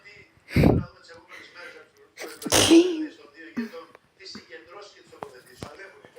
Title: Sneeze 🤧 Mary's Little Lab